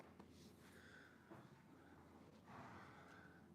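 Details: Horse during an equine chiropractic session: two forceful rushing nasal exhalations over a few seconds with low room noise; snorting.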